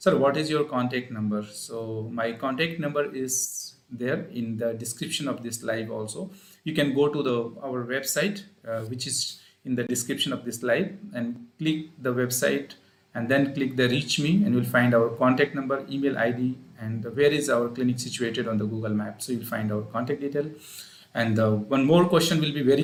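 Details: Adult male speaker; normal voice.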